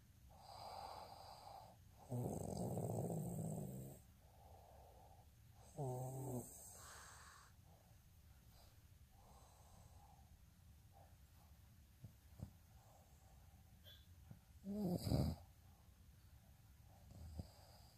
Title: snoring asmr sound 161